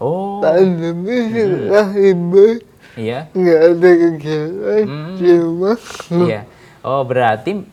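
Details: 22-year-old man with cerebral palsy, who has had therapy emphasising speech therapy, speaking Indonesian; dysarthria (cerebral palsy).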